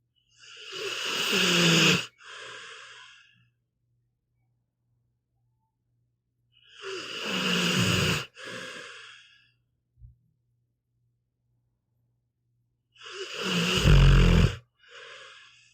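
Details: Snoring in a sleeping pit bull dog, audio only: slow, harsh snores, each followed by a softer out-breath, about ten breaths a minute, with silence between.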